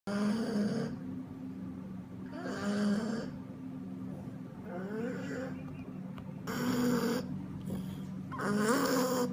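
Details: Inspiratory stridor with inspiratory effort, recorded by the Cambridge BOAS research group: loud, harsh, high-pitched noisy breaths recurring at about 29 per minute from an obstructed airway.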